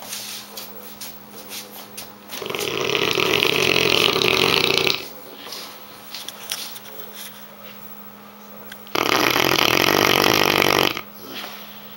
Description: Korean Mastiff snoring very loudly.